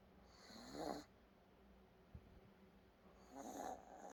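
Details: Sleeping animal snoring: two rattling, snorting snores on the in-breath with a quiet pause between them.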